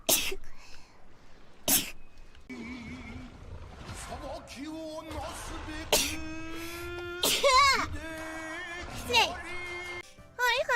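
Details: Repeated sneezing from a VTuber during a livestream: several sharp sneeze bursts in quick succession, mixed with vocal sounds and background music.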